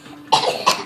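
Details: A child gives a short, deliberate fake cough in two quick bursts, with no sign of illness: a voluntary cough.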